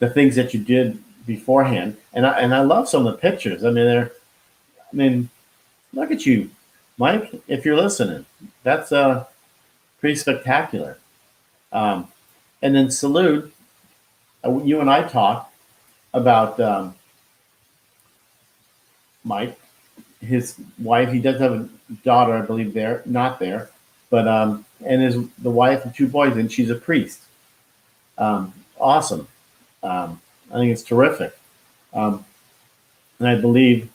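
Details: Expressive aphasia after a stroke at 49, about ten years earlier, in a man who could not talk at first and still loses words.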